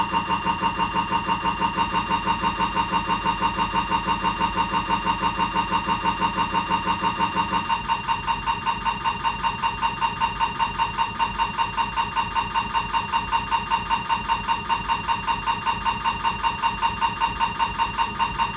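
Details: Siemens MAGNETOM Lumina 3 T MRI, abdomen protocol: loud steady tonal buzzing with rapid regular knocking pulses, pitch shifting partway, during a diffusion-weighted (b50/800) sequence.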